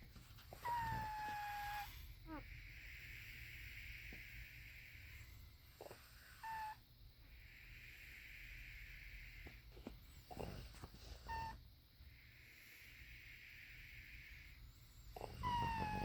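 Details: Sleeping subject's squeaky snores: three slow breath cycles with a high squeaky whistle on each, over a low snoring rumble; squeaky snoring, a wheeze-like sound during sleep.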